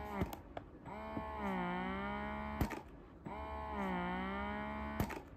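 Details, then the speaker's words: Spectra 9+ electric breast pump, described as super silent, run in massage mode and then in vacuum mode: a soft, rhythmic motor hum rising and falling in slow cycles with faint clicks. "ini adalah suara untuk pompa asi Spectra ini mode massage dan ini mode vakum"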